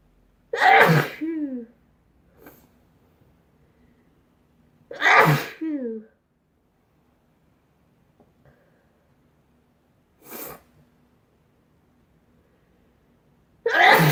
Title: sneezing compilation